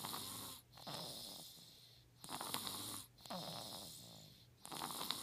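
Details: 4-month-old infant snoring during sleep: hissing, airy breaths with a faint rattle, about 25 a minute; soft snoring.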